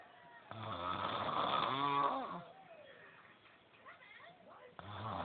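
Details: Person snoring: a loud, rough, vibrating snore on a breath in, followed by a quieter breath out and the start of the next snore.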